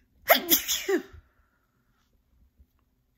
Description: Sneezing from my dog’s pet dander